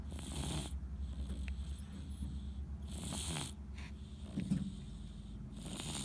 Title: Sierra snoring away happily